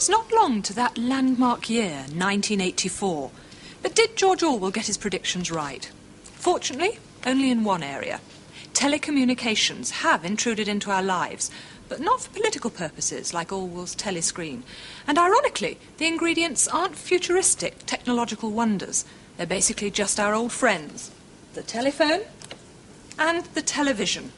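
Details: Adult narrator; normal speech.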